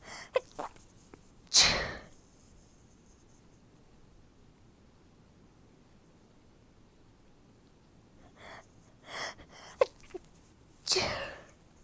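Two hissing, held-back sneezes separated by quiet, with a short sharp intake and small sounds before the second; stifled sneezes.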